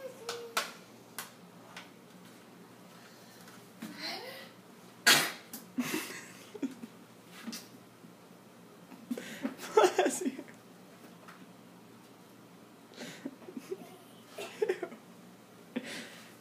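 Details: Female dog sneezing in a quiet room: a few short, sharp sneezes with soft snorts between them.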